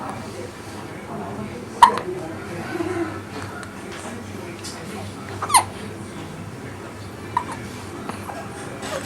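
Three sharp, brief gulping clicks a few seconds apart over quiet room noise, fitting hiccups.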